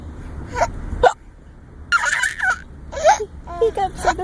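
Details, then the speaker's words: Grandpa imitating hiccups: short voiced gulping bursts mixed with vocal sounds, fake rather than real hiccups; faked hiccups. "Grandpa's hiccuping."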